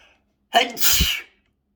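A single loud sneeze: a quick in-breath followed by a forceful burst of air; an ordinary sneeze.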